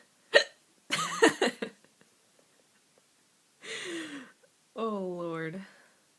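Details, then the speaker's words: Person with persistent hiccups, the first in over a year, talking and saying a drawn-out "I love you" broken by abrupt, sharp gulping catches of breath; hiccups. "all right so I have that hiccups right now and I just wanted to show you this sucks oh my god I had the hiccups in over a year up so it's kind of irritating"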